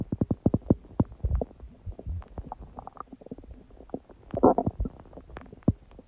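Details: Stomach growling recorded at 1:30 a.m. after eating too much udon at 19:30; the owner suspects a reaction to gluten. Rapid bubbling, gurgling, squelching bowel sounds come in irregular bursts, with a louder rolling gurgle near the end.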